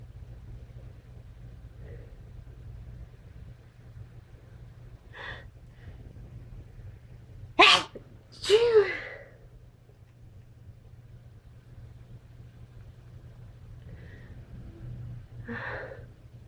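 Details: Two forceful sneezes in quick succession, each a sharp explosive burst, over a steady low engine-like hum; normal sneeze reflex.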